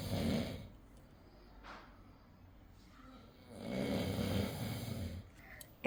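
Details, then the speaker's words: Man (husband) snoring in sleep, still not awake: two low, rough snoring breaths about three seconds apart with quiet gaps in a quiet room; medium-volume snoring, said to usually be much louder. "তোমাদের দাদা ভাই কিভাবে মানে ঘুম আসলে পরে নাক ডাকে সেটা দেখাবো। এখনো উঠেনি ঘুম থেকে সমানরে নাক ডেকে যাচ্ছে।"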